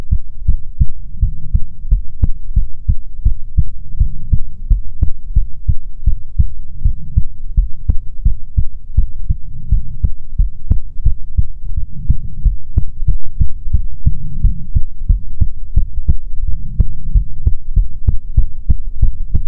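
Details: ASMR recording of soothing heartbeats: steady, deep, muffled thumps at a regular, unhurried rate throughout; normal heartbeat.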